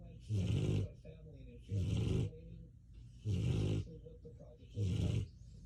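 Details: Male sleeping on the floor while medicated after surgery: four loud, deep rumbling snores about 1.5 seconds apart, roughly 40 a minute, with quieter breaths between; snoring during sedated sleep.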